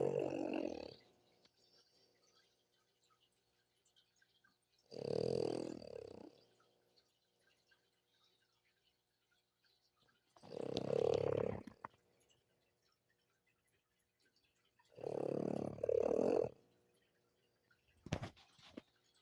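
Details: Snoring in sleep: rough, rasping snores about every five seconds, roughly 12 a minute, with silence between them.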